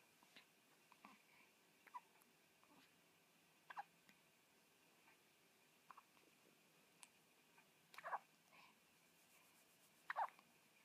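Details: Hiccups in a 7-day-old newborn baby girl: soft, brief, jerky catches about every two seconds in a quiet room; the hiccups stopped after her back was rubbed.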